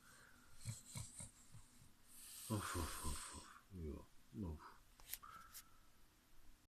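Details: Snoring from a sleeping bulldog: loud, rattling, snorting breaths, the sound of noisy breathing through a narrow airway.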